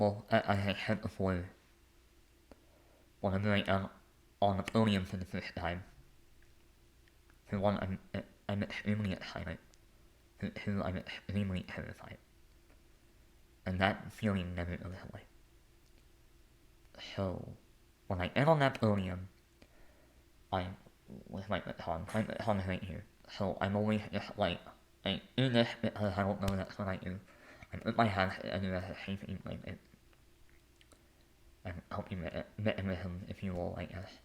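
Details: Lifelong speech impediment with stuttering-like disfluency in an adult male.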